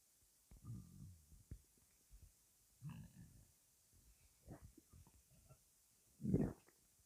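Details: Quiet, irregular stomach gurgles and low rumbles with a louder gurgle near the end, ordinary bowel sounds; the person calls the noises weird.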